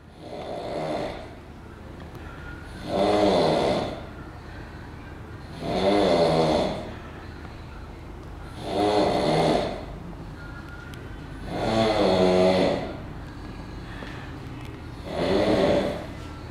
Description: The Snoring Machine is back....and this time.....he is even louder than before.....muahahahahahahaha